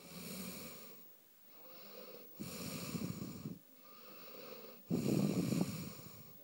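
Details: Petra snoring after a stressful day; snoring.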